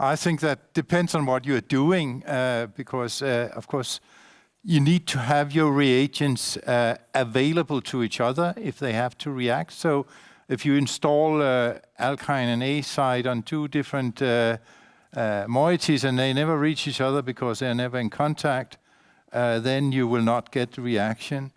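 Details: Adult male speaker; typical speech.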